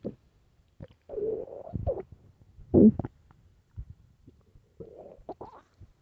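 Loud, gurgling, rumbling stomach growls in several bursts with quiet gaps; ordinary hunger borborygmi, harmless gut activity.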